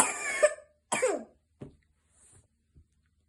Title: 11/06/2024 Chronic cough (#Asthma)